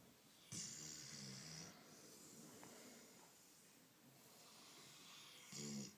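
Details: Loud rattling snores about five seconds apart over a steady hiss from a Rottweiler dog being petted; she often makes these noises; snoring.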